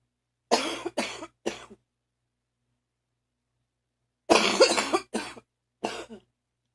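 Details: Morning phlegmy cough, again: two runs of three harsh, rattly, wet coughs separated by a pause, nearly choking; a productive cough.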